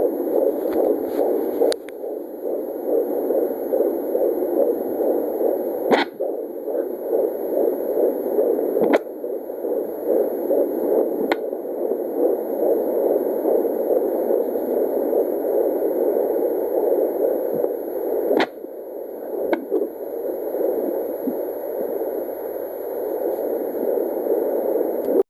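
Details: Fetal heartbeat at 16 weeks 1 day on Doppler: rapid whooshing about 140 per minute, with a few sharp thumps as the baby kicks.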